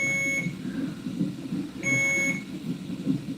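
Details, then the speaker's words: During labor: two bursts of steady high-pitched electronic beeping over room noise, as one IV bag is empty and must be changed; blood pressure cuff working; non-stress test monitor running; IV infusion pump alarm. "I think no, the blood pressure cuff is working. I think what it is one of the bags is out."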